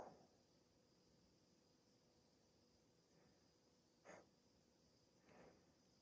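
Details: Adult with sleep apnea treated with CPAP, hiccuping after waking from sleeping in the CPAP mask, part of a 16-minute bout: three or four short, abrupt, breathy catches a second or so apart in a quiet room.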